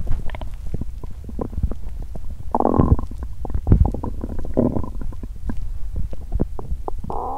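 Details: Bowel sounds after exercising on an empty stomach, which left the person nauseous with a cramping stomach and intestines: loud, continuous rumbling and gurgling with bursts of louder growls.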